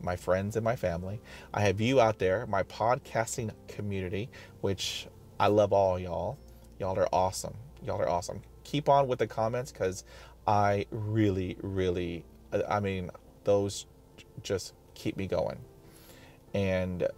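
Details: Adult man who stutters, self-recorded, describing blocks; sound and part-word repetitions; stuttering.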